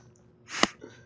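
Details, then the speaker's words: Adult sneeze during game commentary: a brief breathy intake builds into one sharp, squeaky, high-pitched burst; the sneezer says they always sneeze like a cat. "And I'm really sorry about the random sneeze in the middle of it. I'm still not convinced it was a sneeze."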